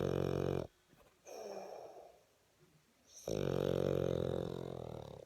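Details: Boston Terrier sleeping and snoring: loud, rough, rattling snores with a quiet pause between breaths.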